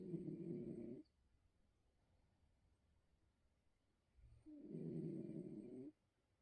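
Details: Bengal cat snoring while asleep, likened to a donkey: two loud, rough, rattling breath sounds, each about a second long, separated by quiet pauses.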